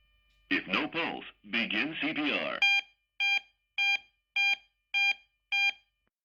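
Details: Automated external defibrillator (AED Paramedic CU-ER1) during verification testing with a simulated normal heart rhythm: a spoken prompt, then six evenly spaced beeps, advising no shock.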